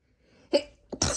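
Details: Induced sneezing: a quick indrawn breath, then a brief half-stifled burst followed by a full explosive normal sneeze.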